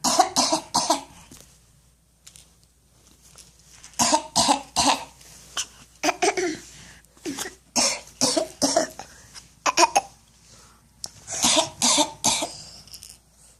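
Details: Repeated bursts of short, dry coughs from a child, in clusters of three to four with pauses between.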